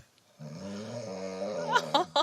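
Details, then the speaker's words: A woman's loud snoring, recorded as-is by her husband during sleep and played back in a sleep consultation, described as animal-like, with severe obstructive sleep apnoea. "Euh donc votre onflement, il est quand même Ouais. Ça fait très animalier en fait, on va dire."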